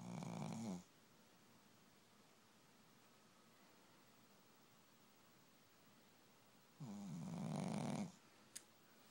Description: Wake up sleepy head.. Snoring loud as heck..